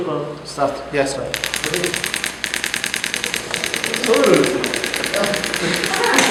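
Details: Physical therapy practical lesson on radial shock wave therapy for chronic muscular pain: device applied to the painful area at low intensity, firing rapid sharp mechanical taps in bursts like a fast clicking hammer; brief voice at start.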